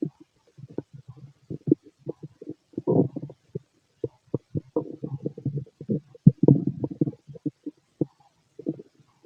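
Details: Irregular gurgling, bubbling rumbles in quick bursts with short pauses: normal bowel sounds (stomach growling) from a healthy male's digestive system, described as loud in person.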